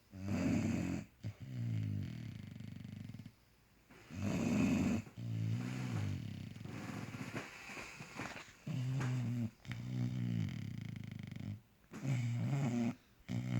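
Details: Sleeping bulldog snoring loudly: rattling snores in repeated breath cycles with short silent gaps, typical flat-faced dog sleep breathing; snoring.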